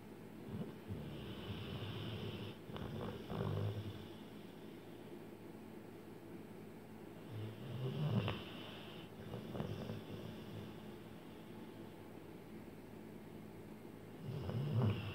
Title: Dog bedtime - Bullmastiff snoring